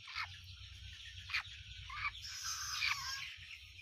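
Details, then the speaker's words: Short, high, rattly squeaks about every half second to second from a chicken isolated from its flock for snoring (ngorok) due to CRD, chronic respiratory disease, before garlic treatment; respiratory rales. "Nah ini dia saya keluarkan tadi dari teman-temannya karena ini dia ngorok Kita takutnya nanti dia menyebar ke teman-temannya yang lain sehingga kita keluarkan"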